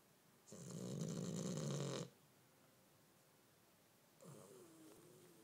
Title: Snoring while half awake